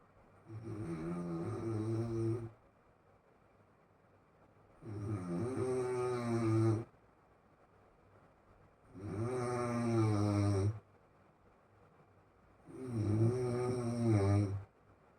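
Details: Loud, regular snores with each breath, about 15 a minute, with quiet gaps between them; snoring.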